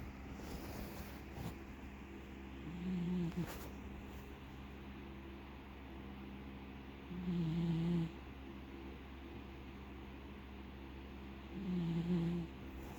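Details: Pet snoring while asleep in bed with its owner: soft, rhythmic low snores about every four to five seconds, roughly 14 a minute, over steady room hum.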